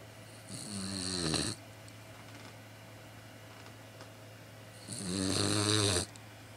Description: Babysitting a 3 month old boxer puppy who is quite congested! He's so sweet when sleeping, I couldn't resist!